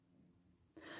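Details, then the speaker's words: Cat snoring loudly in the background: a quiet, low, rumbling breath followed by a short rush of airy noise; the owner remarks that she snores loudly. "Si vous entendez ronfler, c'est mon chat. Elle ronfle fort, là, dis donc."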